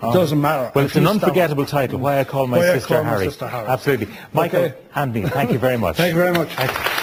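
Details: Adult male talk show host; no speech disorder.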